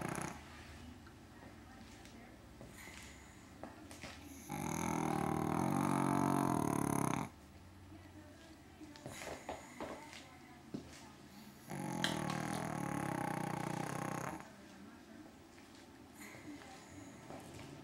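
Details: Sleeping pug on a sofa: two long, loud, rattling snores about seven seconds apart with quieter snuffling breaths between; snoring.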